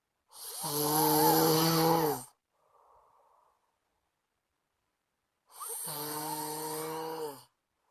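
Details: Friend snoring in sleep loudly enough to keep the recorder awake; loud, long, buzzing inspiratory snores of about two seconds each, with soft breaths between.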